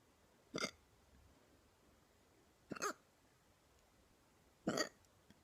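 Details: Hiccups described as painful and called neck hiccups: three short, abrupt throat sounds, irregularly spaced over about five seconds.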